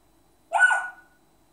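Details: African Grey parrot imitating its owner's hiccups: a single short, abrupt, squeaky hic.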